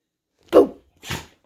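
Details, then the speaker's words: Female dog sneezing repeatedly: two short, sharp bursts of air about half a second apart, a pair of sneezes. "Oh, are you all done sneezing now? You done sneezing? Seriously? That's it?"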